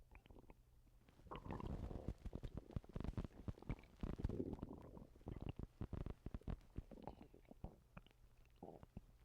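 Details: Stomach noises from a person who has recently been sick and vomiting: low, continuous gurgling and bubbling rumbles with runs of quick pops; active bowel sounds.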